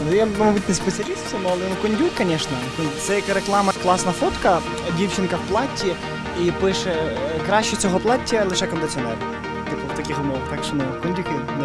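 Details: Adult woman speaking Ukrainian; ordinary speech.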